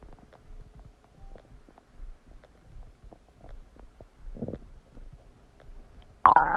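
Irregular gurgling and bubbling bowel sounds with squelches and a louder burst near the end; ordinary digestion noises after a meal.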